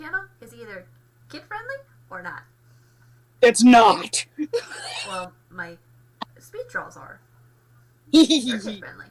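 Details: Aphasia from a post-traumatic concussion after a car accident with a two-day hospital stay, plus an acquired stutter treated with speech therapy; stuttering with aphasia.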